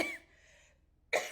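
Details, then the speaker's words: Adult with a persistent cough in its fourth week despite cold and flu medicines: two short, harsh cough bursts about a second apart. "And it hasn't slowed the cough, not one little bit. The only thing it has done is made my neck hurt."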